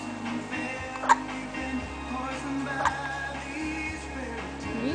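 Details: James, a young child, has hiccups: two brief, sharp hiccup sounds about two seconds apart over steady background music; his whole head bobs up and down with each hiccup.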